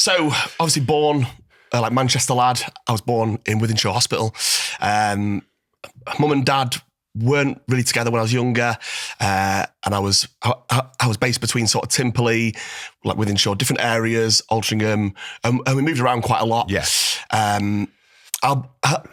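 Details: Adult male former Royal Marine with a stutter/stammer beginning in childhood after stammering while reading aloud in a school assembly, improved in recent years through voice-note practice; stuttering.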